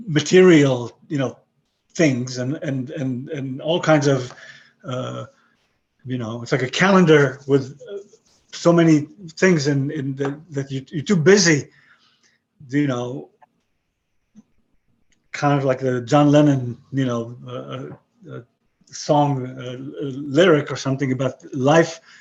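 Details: 62-year-old man with aphasia since a stroke about 11 years earlier; he lost most of his languages and describes his English as broken; aphasia.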